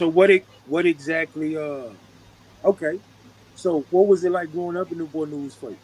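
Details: Adult speaker; normal voice.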